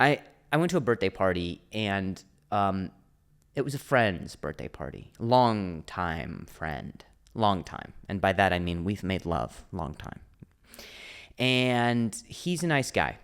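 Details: Stuttering (speech impediment) in an adult male comedian who stutters, speaking spontaneously and solo on his own podcast.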